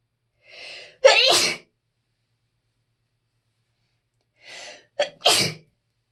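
Two sneezes, each a sharp in-breath followed by an explosive burst, a few seconds apart; repeated sneezing consistent with allergy.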